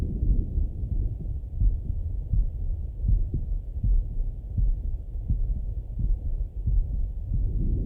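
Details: Muffled, low male heartbeat at about 83 beats a minute heard through a stethoscope, with faint breathing beneath; heart and breath sounds on auscultation.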